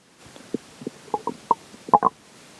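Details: Stomach growling during digestion after McDonald's for lunch and a slice of pizza for breakfast: a run of short gurgling and bubbling pops from the belly over a quiet background; ordinary bowel sounds.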